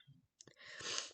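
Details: Single forceful, hissing sneeze after a short catch of breath.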